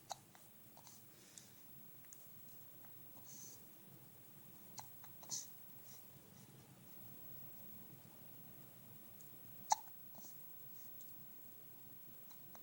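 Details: Infant boy with hiccups, getting upset by them: soft, brief hiccup sounds spaced irregularly in a quiet room.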